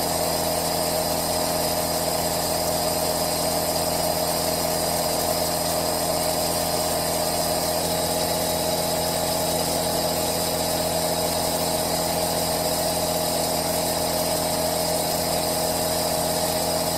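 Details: Steady, unbroken mechanical hum with buzzing motor tone and hiss from an aerosol nebulizer compressor running continuously, recorded as white-noise ASMR with a Zoom H1n recorder.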